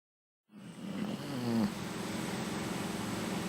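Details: Low rattling breath noise with a rough, purr-like flutter through each breath from a female Bully lying on a lounge; snoring.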